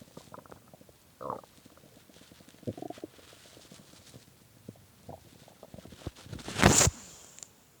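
Soft gurgles and rumbles, then a louder squeaky growl near the end; hunger stomach growling, a normal finding.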